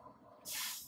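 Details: Quiet room, then a sudden steady hiss as gas flow starts through an inline nebulizer connected to an LTV 1200 ventilator circuit, in a respiratory-emergency scenario.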